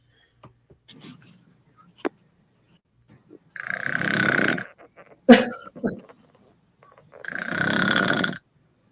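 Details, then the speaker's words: Adult woman snoring: two loud, harsh, rattling inhaled snores about four seconds apart, with small clicks and breath noises between; snoring. "so cute it's hilarious but I mean I'm saying it's cute but to be honest on the serious side snoring isn't always cute you can have sleep apnea"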